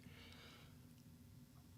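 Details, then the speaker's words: Dog snoring in a quiet room, a low, buzzing, fluttering rumble with a breathy rush at the start, heard as sounding like a fart. "Jude snores, but it sounds like I farted. That's what it sounded."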